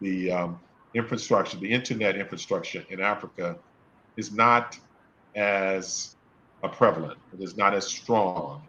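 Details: Adult male speaker; stuttering.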